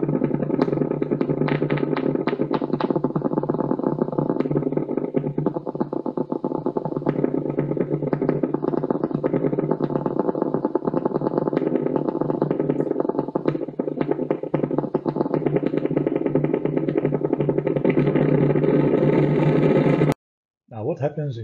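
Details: Needle EMG recording from a real patient: dense, rapid crackling and thumping of normal motor unit potentials firing (duration ≤50 ms, amplitude ≤2 mV, fewer than five phases).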